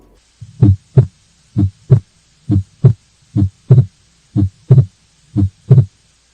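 Regular heartbeat near 63 a minute with a second sound that splits into two close components.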